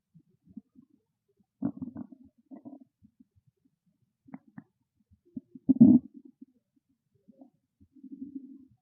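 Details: Adult's hungry stomach growling loudly, bursts of gurgling and rumbling; ordinary borborygmi.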